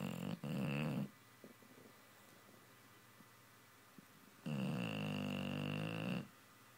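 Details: Two long, tonal, whistling snores separated by quiet breathing from a sleeping, dreaming dog; ordinary snoring.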